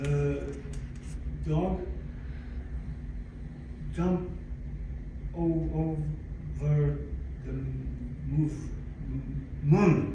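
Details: Adult man, 62, with aphasia acquired after a stroke in December 2011 that followed a cardiac ablation for arrhythmia; he describes loss of languages and speech and attends aphasia-center speech therapy; aphasia.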